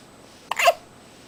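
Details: A single short, sharp hiccup with a brief voiced squeak; the hiccuping subject is getting sleepy and smiles at the end.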